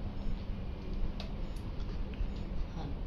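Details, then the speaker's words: Fetal heartbeat on a live ultrasound Doppler scan, labelled 7 weeks transvaginal although the sonographer estimates 13 weeks: rapid, regular whooshing pulses at 162 beats per minute, called normal. "Heartbeat চলে আসছে। এটা heartbeat. হ্যাঁ। শব্দ শুনতে পাচ্ছেন। এটা বাবুর"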